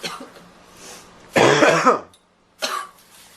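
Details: Girl in a harsh, prolonged coughing fit with a raspy tail, then a shorter cough after a pause; she describes it as brutal and needs to blow her nose.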